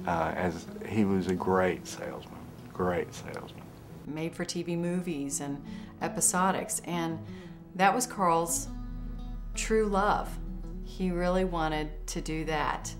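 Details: Adult woman speaking; ordinary speech.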